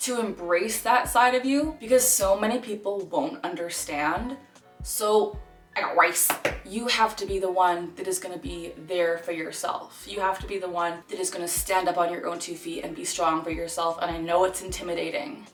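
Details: 26-year-old woman with Tourette syndrome diagnosed at age 12; her tics include vocal phrases, grunting and barking. Vocal tic (Tourette syndrome).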